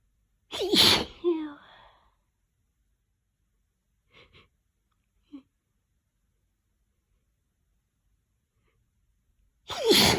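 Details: Stuck, messy sneezes after a long build-up: two loud, wet sneezes several seconds apart, with a few quiet breaths and sniffs between them.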